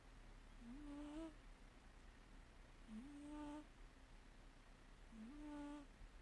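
Soft, buzzy, rising snores come with each breath, about 27 a minute, in a quiet room: a cat snoring in sleep.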